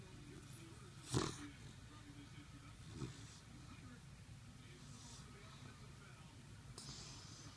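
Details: Soft, low rattling snores from a sleeping puppy, recurring about every two seconds over a steady low background hum.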